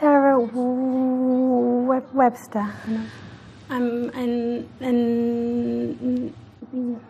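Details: Woman who stammers, older footage from before a McGuire Programme course, trying to say her name with blocks, repetitions and visible tension; stuttering.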